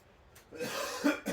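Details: A couple of short, harsh cough bursts from an adult sick in bed all week with a cold, quiet room.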